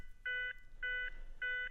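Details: Three steady electronic beeps at about 100 a minute, CPR metronome prompt tones from a Zenix hospital defibrillator/monitor in AED mode pacing chest compressions after a shock, in an instructional video on pediatric and neonate use.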